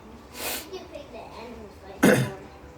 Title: Sneezing with my eyes open. Bad idea!